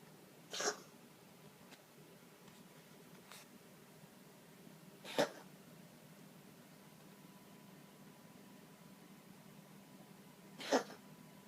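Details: A cat coughs: three short, sharp coughs spaced several seconds apart in a quiet room.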